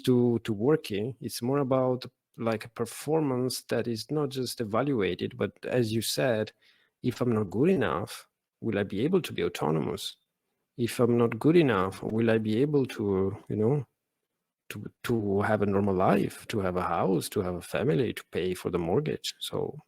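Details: Adult Italian man who stutters and had speech therapy for it as a child and adolescent; stuttering.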